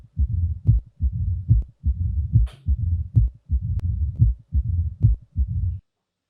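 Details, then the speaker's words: Simulated diastolic murmur heard on cardiac auscultation in a virtual patient physical exam: soft rumbling murmur filling the pause after each second sound, heart rate about 72 beats a minute. "aquí un soplo diastólico."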